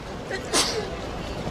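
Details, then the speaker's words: Woman with allergies who often sneezes: a single sharp, explosive sneeze after a faint breath in, against quiet room noise: sneeze. "wait sorry I need to sneeze I always sneeze God"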